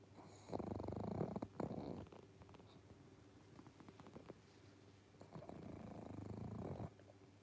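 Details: Pug sleeping on a sofa, close up: soft, low, fluttering snores on two breaths from a flat-faced dog, with quiet breathing between; snoring.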